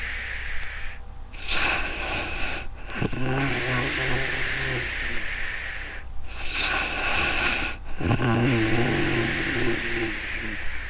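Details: Adult sleeping in real time, recorded with a new microphone: two cycles of a loud, rough, vibrating snore on each breath with airy exhalations between; snoring during sleep.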